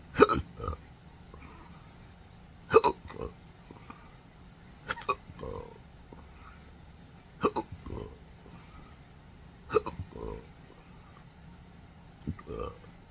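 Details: Belching with hiccups in an adult with a rare chronic condition since December 2015 after surgery with nerve damage (phrenic, vagus nerves): repeated sharp hiccup-like catches, each followed by a throaty burp, about every two and a half seconds.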